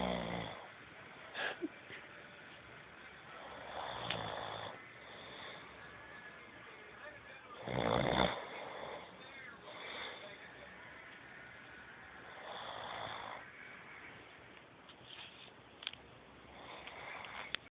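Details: Snoring during sleep: rough, rattling breathing noises recurring every few seconds.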